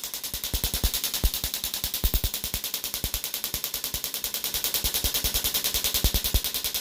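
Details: Shockwave therapy (EPAT) for Achilles tendonitis, the patient's second session: rapid, regular sharp clicking pulses with a hissing undertone and occasional louder snaps, increased to about 4 bars after 500 pulses.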